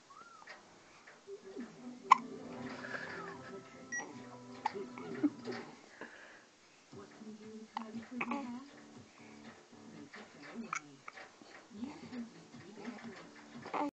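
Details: Hiccuping episode: brief, sharp, repeated hiccups at irregular intervals over soft background music.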